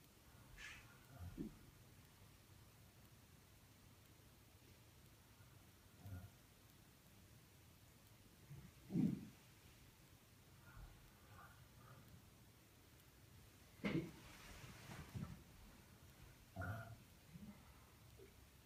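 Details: Chronic burping in a patient: about six brief, low, throaty bursts at irregular intervals in a quiet room, consistent with repeated belching (eructation).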